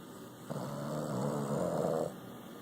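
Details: Sleeping Boston Terrier with one low, rumbling snore of about one and a half seconds against a quiet background; snoring.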